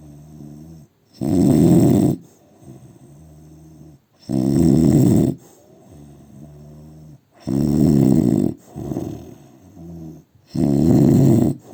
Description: Indian man snoring